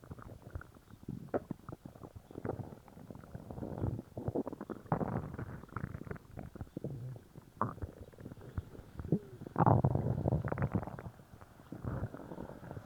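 Repeated low gurgling and rumbling bowel sounds, frequent and active; loud stomach growling after a laxative.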